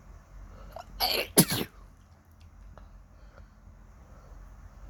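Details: Two sharp explosive sneezes in quick succession in a quiet room, on waking in the morning with a suddenly itchy nose.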